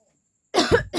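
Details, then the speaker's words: Real cough from a cold, which she attributes to staying out all night in the heat during Durga Puja, recorded in a coughing-challenge clip: silence, then one harsh, throaty cough with a second starting at the end. "तो guys इस वजह से मुझे थोड़ा सा जुकाम सर्दी जुकाम हो गया है कुछ ना गर्मी है यार बहुत ज्यादा गर्मी कम होने का नाम नहीं ले रहा है"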